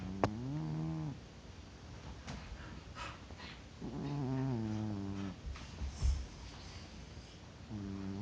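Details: Cat in deep sleep, not waking despite being poked, snores louder over time; low, buzzing snores with each breath in, separated by quieter pauses. Snoring.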